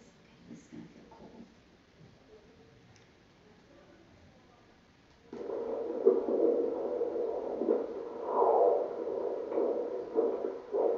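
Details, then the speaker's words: Fetal heartbeat on handheld Doppler at a prenatal check of a mother with a history of diabetes: after a few quiet seconds, a rhythmic whooshing signal starts, described as sounding nice and good. "I'm going to take a listen to the heartbeat and we'll measure."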